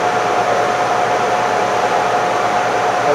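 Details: Loud, steady mechanical whir with a faint constant tone: SlimLipo laser liposuction equipment running during awake tumescent liposuction of a twin sister, who reports no discomfort while skin temperature is monitored.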